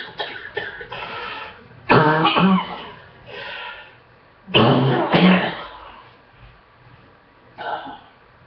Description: Been really sick for the past two weeks cough is finally getting better on second round of antibiotics